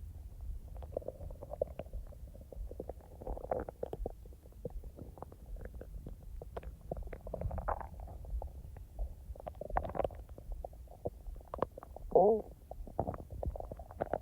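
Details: Person's own stomach sounds, recorded and edited rather than in real time: soft, continual gurgles and bubbling with an occasional louder squeak; normal bowel sounds (borborygmi).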